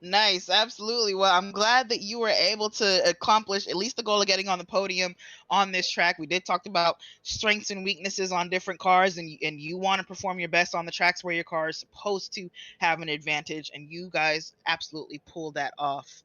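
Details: Adult speaker; normal voice.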